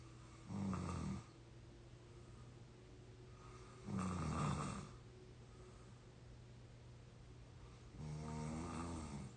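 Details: 22-year-old, exhausted and deeply asleep: low rattling snores on each in-breath, roughly every 3.5 seconds, about 17 breaths a minute, with quiet exhalations between; snoring.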